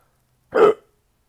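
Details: Persistent hiccups in an adult a week after a trip abroad, diagnosed with a serious bacterial infection; home remedies failed. A single short, abrupt voiced hiccup in silence.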